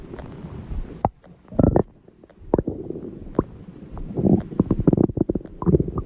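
Irregular low gurgles and rumbles with short squeaky bursts over quiet background: stomach growling, ordinary bowel sounds.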